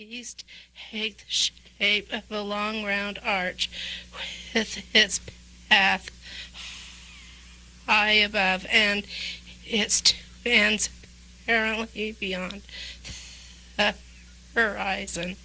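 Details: Classic abductor-type laryngeal dystonia (abductor spasmodic dysphonia), where under-adduction of the vocal folds causes breathy breaks.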